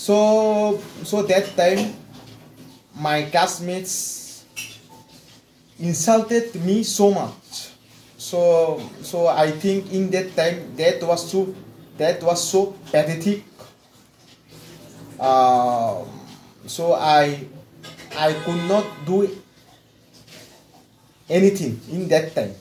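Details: Adult male mechanical engineer from West Bengal, India, with severe stammering since childhood, speaking after 4 weeks of fluency training; word repetitions and pauses heard; stuttering, mild after treatment.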